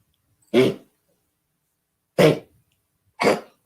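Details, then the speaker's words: A 6-month-old puppy with harsh, hoarse cough bursts, described as sounding like an old man, going on continuously for three hours; the owner suspects kennel cough after searching online. "No, I've got a 6-month-old puppy that starts doing this. This isn't even the old dog. Oh no, it sounds like an old man. 3 hours that went on continuously. So I Google it, and it's kennel cough."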